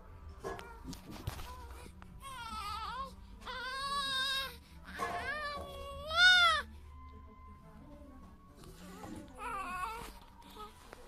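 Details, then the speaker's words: Infant with cri du chat: high-pitched, thin, mewing cries resembling a cat's meow; typical cri du chat cry. "bien bueno en realidad es porque es muy agudo el llanto y por ahí alguien dijo que se parecía un gato no si se escucha como un gato pero pero eso es más bien porque es muy agudo el yang"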